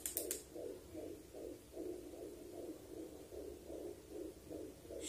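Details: Rapid, regular whooshing pulses, about 145 a minute, from a home fetal Doppler loudspeaker with gel applied to the mother's abdomen; fetal heartbeat.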